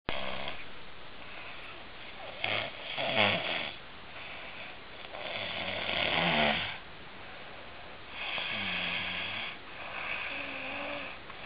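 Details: A sleeping adult father snores loudly and roughly, about 20 snores a minute, in a small room.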